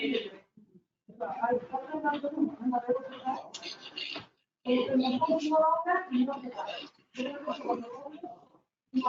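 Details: Alaryngeal speech in a male patient after total laryngectomy: esophageal voice first, then tracheoesophageal prosthesis voice, with the stoma occluded so air passes through the valve.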